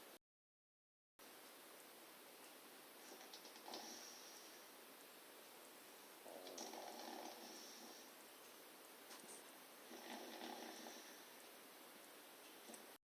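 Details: Soft, rasping breaths about every three seconds over steady hiss: quiet snoring.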